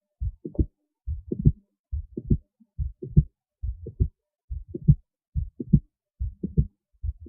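Steady paired lub-dub heartbeats through a stethoscope, about 70 a minute with a regular rhythm, in a quiet room.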